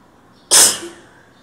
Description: I decided to try recording my sneezes in an empty stairwell to see what it would sound like. The sneezes ended up pretty harsh.